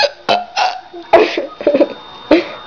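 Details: Hiccups in two girls that started after a burping contest while sitting on a bed: several abrupt, voiced gulping sounds, some squeaky or squealing, in quick irregular succession.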